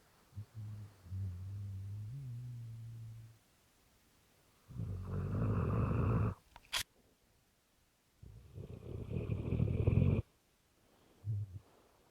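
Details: Rottweiler dog snoring in the middle of the night: low rumbling snores during sleep breathing, with quieter pauses between.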